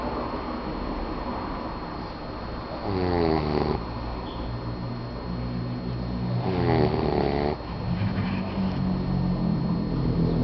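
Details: Two rough rattling snores, each about a second long and several seconds apart, over steady background hum; snoring during sleep.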